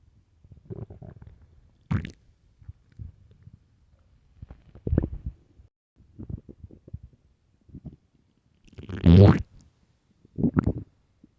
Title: extremely LOUD stomach growls (morning)